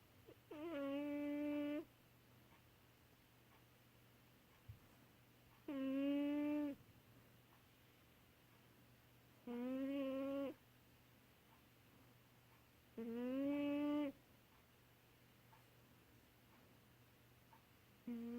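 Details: Deeply sleeping cat: tonal, humming snores about every four seconds, roughly 15 breaths a minute, with quiet pauses in a small quiet room; snoring.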